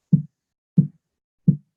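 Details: Simulated patient heartbeat on a teaching simulator during physical exam: three regular, dull low thumps at roughly 85 to 90 beats a minute.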